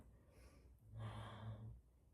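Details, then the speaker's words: A single quiet, low fluttering snore from a male dog snoozing hard in the background: ordinary dog snoring. "I don't know if you can hear my dog snoring in the background."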